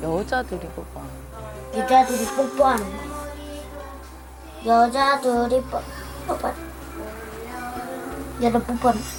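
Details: Third-grade boy with Tourette syndrome involuntarily blurting out an obscene sexual phrase without realizing it; complex vocal tics (coprophenomena) in Tourette syndrome.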